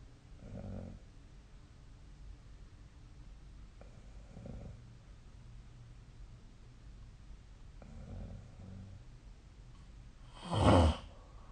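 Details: Sleep snoring recorded with the SnoreLab app: low, soft rumbling breaths every few seconds over steady room noise, ending in a louder snort.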